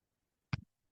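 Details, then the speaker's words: A man's own home mechanical ventilator: a single brief, low mechanical click-thump in a quiet room as it cycles. "My name is. That noise you're hearing is my ventilator."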